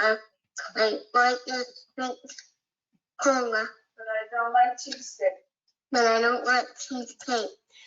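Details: Child with 22q deletion and marked hypernasality, repeating test sentences, with many M and N sounds in her speech; hypernasality with nasal substitutions.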